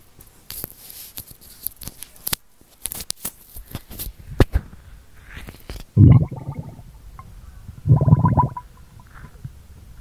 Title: stomach sounds asmr, stomach growling asmr | 2022-04-23